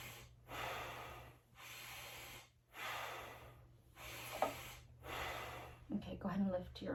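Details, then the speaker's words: 35-year-old patient taking about five slow deep breaths during a head-to-toe assessment, stethoscope on the posterior chest; soft breezy normal vesicular breath sounds. "perfect okay so uh vesicular lung sounds um auscultated"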